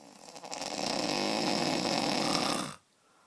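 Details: Snoring: one long, loud, harsh rattling inhaled snore lasting about two seconds, then quiet.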